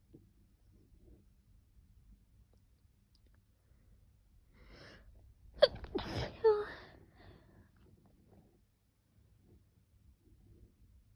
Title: Sneezing pt4